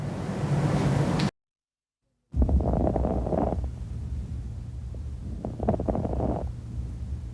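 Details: Paediatric auscultation through a stethoscope: breath sounds with bursts of fine, crisp crackling during each of two inspirations, consistent with crepitation.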